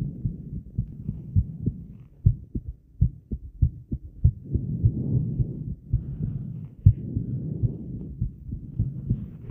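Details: Heartbeat recorded a while after exercise, with breath holds added: low thumping with uneven spacing and occasional pauses over breathing and background noise; skipped beats.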